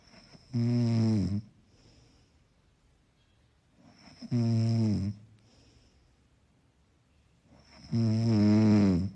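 Three slow, tonal, vibrating snores about 16 a minute, with quiet breathing between them: ordinary soft snoring.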